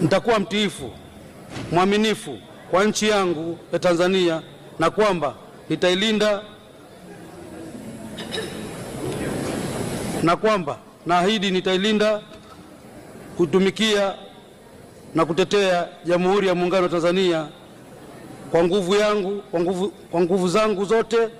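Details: Tanzanian member of parliament stuttering while taking the oath of office in parliament; he says many MPs hesitated on the second oath and he does not know what happened; stuttering (speech disfluency).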